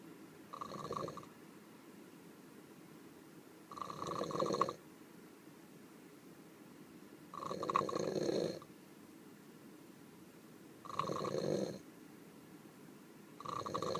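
Regular rough, rumbling snores about every 3.5 seconds, roughly 17 breaths a minute, with quiet pauses between: snoring during sleep.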